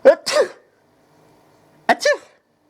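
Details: Baby boy sneezing: two sneezes, each a sharp intake then explosive burst, about two seconds apart, amid laughter.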